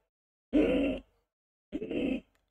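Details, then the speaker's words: An adult imitates an infant's stridor in a pediatrics lecture on gastroesophageal reflux, described as abnormal, inspiratory and low-pitched: two harsh, low-pitched, noisy breath sounds. "This is nothing but something known as stridor. So stridor is a, what is stridor? Yes, it is a abnormal where every single word carries like it's like a $1 million word. It's a abnormal. It's a inspiratory."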